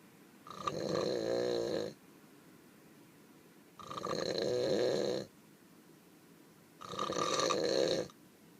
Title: More snoring in the burro...